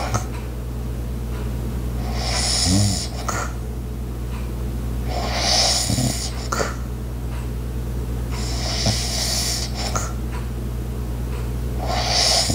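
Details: Light snoring during sleep: soft snoring breaths every few seconds over a steady low household hum from an ice maker, with faint background clicks.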